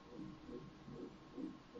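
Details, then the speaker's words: Hands-on obstetric Doppler of the fetal middle cerebral artery, sampled just behind the greater wing of the sphenoid; rhythmic pulses at about 150/min with near-silent diastole. This normal high-resistance pattern is the opposite of the umbilical artery. "النورمال بتاعنا انه عكس الامبليكال بالظبط. يعني ايه عكس الامبليكال؟ تمام، يعني تقريبا نو داستول،"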